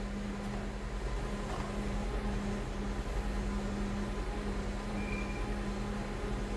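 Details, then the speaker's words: Stockert S3 heart-lung machine during an orientation demonstration, with the main pump, suction and vent roller pumps turned on: a steady low mechanical hum with a faint repeating whir of the rollers running. "As you can see the pump is getting turned on. Okay. You can see the plure is also getting turned on. And so are the suction and vent rollers."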